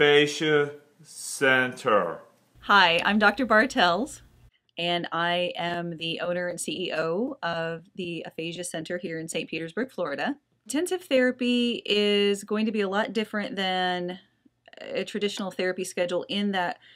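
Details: Adult woman speaking; normal speech.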